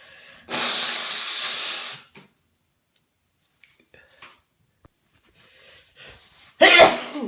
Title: Sat in a steamy bathroom to try and loosen my stuffy nose. More sneezes & blows.